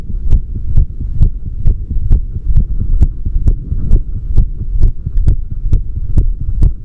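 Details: Regular low thumping heartbeat at about 130 beats a minute with a steady hum underneath; normal heart sounds.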